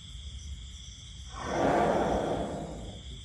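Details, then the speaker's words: A male Thai elephant sleeps: a single long, deep, rough breath swells and fades over low background noise; snoring. "ครับทั้งผสมครับและนี่ก็คือเสียงนอนกรนของพ่อภัยเอกชัยที่ผมนำมาฝากท่านผู้ชมในวันนี้"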